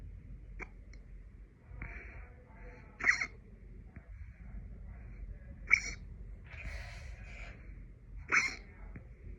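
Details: Late-night hiccups: three sharp, abrupt catches about every two to three seconds over room noise.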